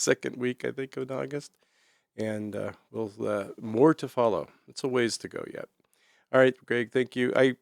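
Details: Adult male speaker; normal voice.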